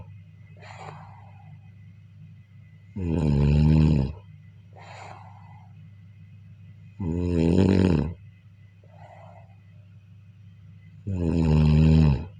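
Loud, rattling snores on each in-breath, three in about twelve seconds, with softer out-breaths between; steady background hum.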